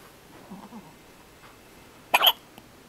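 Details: Baby lying down on a Wednesday morning with hiccups: one sharp, short hiccup after soft baby sounds, followed by a quiet click.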